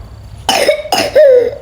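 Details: Child with pertussis: two quick harsh coughs, the second trailing into a high, strained, tonal sound, fitting whooping cough; child then urged to spit out phlegm and vomit.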